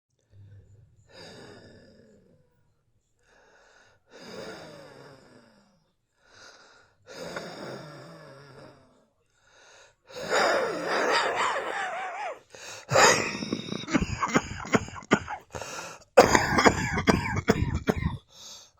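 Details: Adult wheezing and coughing in a dressing gown: several noisy, whistling breaths followed by a run of harsh, loud coughs.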